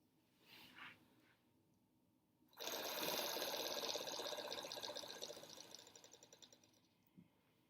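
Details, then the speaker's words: A steady exhalation through the mouthpiece of an Aerobika oscillating PEP device sets off a rapid buzzing flutter from its internal fan, fading as the breath ends; a COPD technique to loosen mucus. "So that fan is going to flutter as you blow into it. So I'll demonstrate that here."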